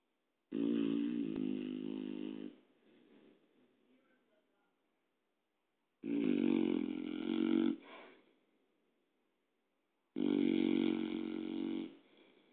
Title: snoring